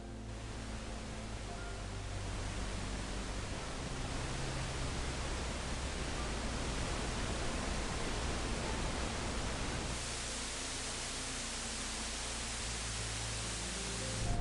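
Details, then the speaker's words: Steady, even hiss of pink-type noise with a low rumble: a hearing-aid or phone background-sound feature used to mask tinnitus, turned up until the ringing in the ears is no longer heard. "I would start at zero and I would slowly turn it up until the tontis went away or until this this sound overpowered my ttis and I could no longer hear it"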